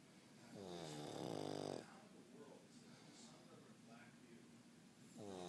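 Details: Pug snoring during sleep: one voiced, buzzing snore on a breath in, then quiet snuffly breathing, and another snore starting at the end.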